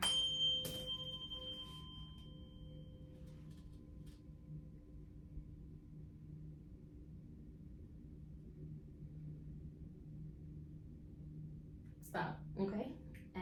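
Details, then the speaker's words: Rinne test during a nurse practitioner HEENT exam: tuning fork placed on the mastoid bone behind the ear, patient reports when the sound stops. A steady pure tone slowly fades. "I'm gonna do the same thing but I'm gonna put it on your mastoid bone behind your ears um so let me know when you stop hearing the sound"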